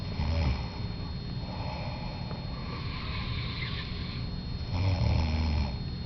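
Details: Two people snoring: low, rattling snores at the start and end, with steady room noise in between.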